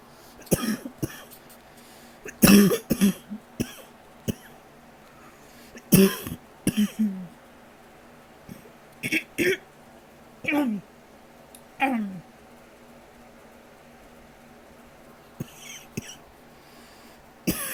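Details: Nighttime cough: repeated muffled coughs and throat clearing from an adult trying to stay quiet at night.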